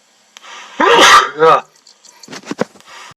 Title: Hwoarang keep sneezing 🐽